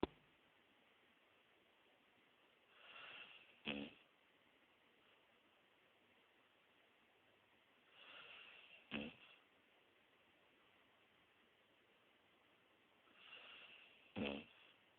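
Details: A sleeping dog snores in a slow, steady rhythm, each breath ending in a loud snorting rattle, human-like snoring.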